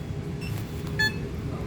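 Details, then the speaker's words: Mindray BeneFusion SP3 syringe pump with a syringe loaded to 30 ml, switched on: two brief high electronic beeps over low room hum as it runs its power-on self-test. "Machine जैसे ही आप on करते हो तो system self test करता है।"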